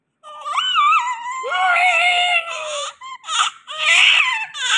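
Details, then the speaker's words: Newborn delivered by C-section, crying continuously at night and not settling: loud, high-pitched, sustained crying with wavering pitch and short breaks for breath. "और इसने रो रो के बुरा हाल किया हुआ है आज नाइट टी है साब रोए जा रहे कंटिन्यू रो जा रहे चुप ही नहीं हो रहे"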